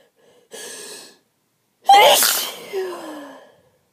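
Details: Sneezing fit in bed just after waking, at least ten sneezes before recording, unusually many: a quick intake of breath, then one loud explosive sneeze trailing into a vocal exhale.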